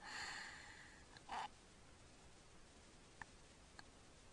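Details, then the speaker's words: Sleeping child with obstructive sleep apnea: noisy snorting breath and gasp, then a breathing pause with only faint clicks as he tries to pull in air before gulping; repeated apneic episodes with gasping recovery. "now he's holding it that was holding it he's still holding it he's trying to click in air there he goes"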